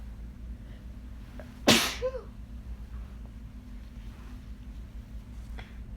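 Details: One sharp, explosive wet sneeze, induced with something new, followed by a brief voiced exhale against quiet room noise: sneeze.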